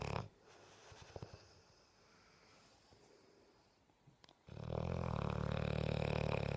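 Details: Sleeping, dreaming Bullmastiff: quiet breathing breaking into a loud, steady, rumbling snore; snoring.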